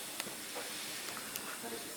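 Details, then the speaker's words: Demonstration of a high-flow nasal cannula worn by a volunteer, flow raised to 40 then 50 L/min, air escaping from the mouth: steady airy hiss of oxygen flow with faint voices nearby. "i'm gonna go up a little bit more so you kind of realize what the patient feels so that's 40 meters per minute is it uncomfortable yeah i've got air going out my mouth"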